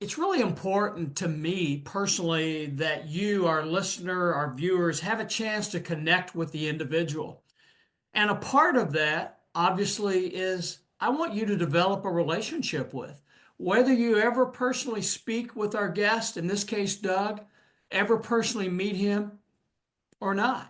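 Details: Adult speaker, monologue; ordinary fluent speech.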